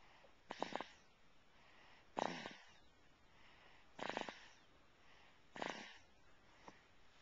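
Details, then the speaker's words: Infant asleep in his car seat after a plane trip: four short noisy snorting bursts, about every one and a half to two seconds; infant snoring. "now he's still in his car seat and uh he was snoring very acutely so we'll see if we can capture that um"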